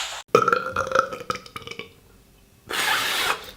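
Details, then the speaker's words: A burp: a voiced, drawn-out belch with a steady tone, then a pause and a burst of noisy sound. "我 的 天 ，Mom might burp."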